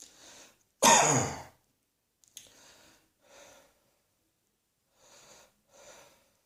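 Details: One strong cough burst followed by several soft breaths or faint throat sounds in a quiet room.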